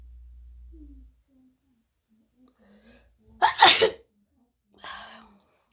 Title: Wide Nose Sneezes Africa.